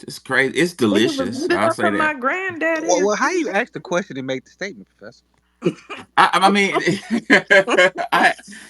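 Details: Adult speakers in conversation; normal voice.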